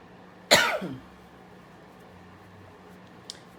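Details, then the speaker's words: Adult coughing in the morning on first waking: one sharp, harsh cough burst with a brief rattly tail, then quiet; the person attributes it to frequencies to the lungs. "It's December the 11th, 2020, and that is the way it is to cough in the morning when you first wake up. Sure, it has to do with frequencies to the lungs."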